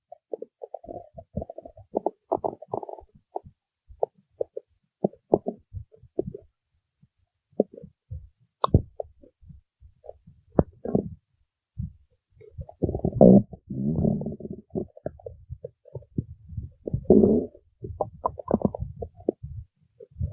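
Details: An adult's stomach gives irregular gurgles, pops and longer bubbling rumbles. Stomach growling (borborygmi).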